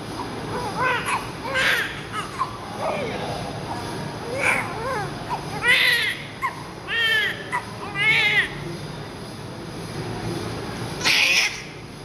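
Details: Newborn baby just born after a 9-month-10-day pregnancy, during cleaning after birth; bursts of strong, high-pitched crying with pauses for breath; a vigorous normal newborn cry.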